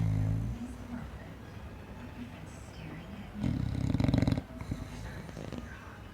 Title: English bulldog Snorky loves to snore...a lot